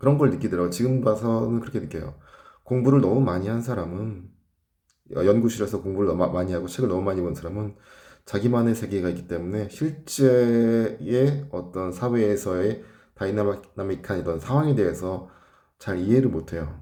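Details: Adult man who stutters, describing blocks where words catch in his throat under tension; stuttering.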